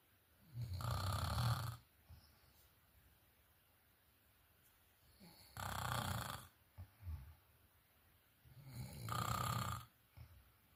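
Three loud, rough, low rattling snores roughly every four seconds, about 14 a minute, with quiet breathing between them in a small room.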